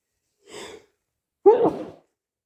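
A soft in-breath followed by a single sharp sneeze, from hay fever.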